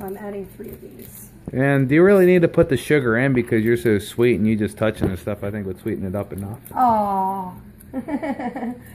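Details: Adult speaker; normal voice.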